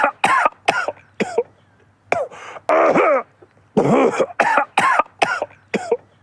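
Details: Run of about ten short, sharp coughs and throat clears in quick bursts with brief pauses between groups, from a man coughing over a long stretch; cough.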